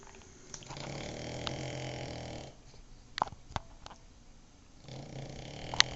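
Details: Cavalier King Charles spaniel snoring while napping: rough, rattling snore on the breath in, a quiet pause, then another snore beginning, with a few faint clicks between.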